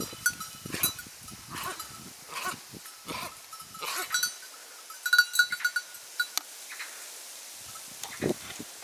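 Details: Goat in Norway coughing: about six short, harsh coughing bursts, then a few faint ones, with a clinking bell in the background; repeated cough.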